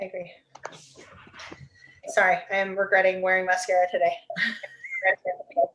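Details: Adult speaker; Typical speech.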